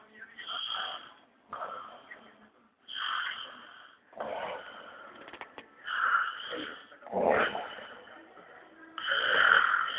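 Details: Loud snoring from an adult man (husband) asleep.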